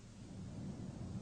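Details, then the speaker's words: Normal transmitted voice sounds: a muffled, indistinct "ninety-nine" heard through the stethoscope diaphragm on the posterior thorax as the patient says 99 during auscultation, checking for bronchophony. "listen for transmitted voice sounds now i want to say 99 please while auscultating the chest ask the patient to say 99"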